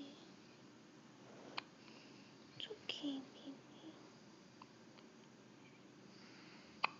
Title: Hiccups :) (& first video)